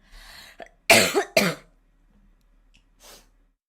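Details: Performed coughing by a young woman: a soft breath, then two forceful back-to-back coughs in a quiet room, from a set of 27 recorded coughs.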